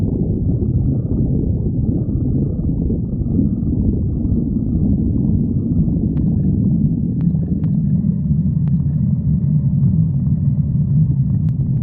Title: stomach growling 10